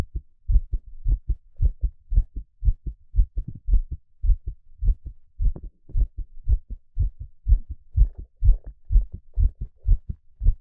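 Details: Peaceful heartbeat: steady, low lub-dub thumps at roughly 58 beats a minute, a normal heartbeat.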